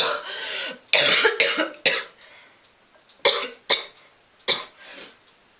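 About six harsh, dry coughs in short bursts, with pauses between them.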